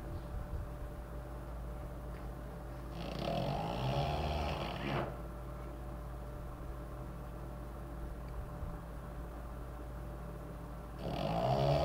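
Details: Two long, rough, rattling inspiratory snores about eight seconds apart, with quiet breathing between, from a French Bulldog; snoring.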